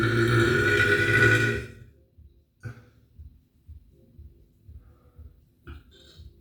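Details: Deliberate burping performance: one loud, long, throaty belch, then quiet room sounds with a few faint soft noises; belching.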